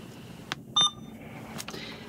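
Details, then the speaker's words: A single clear electronic beep, with soft clicks before and after, as an Alaris 8100 infusion pump starts infusing 0.9% normal saline at rate 50, volume 450, after the roller clamp is opened; training demonstration. "so now, if you'll notice on the pump module, green is good. That means it's infusing."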